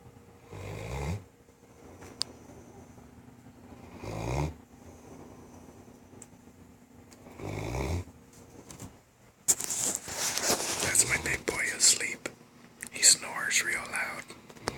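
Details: Very loud snoring: three low snores about every 3.5 seconds, then louder rustling that covers the breathing.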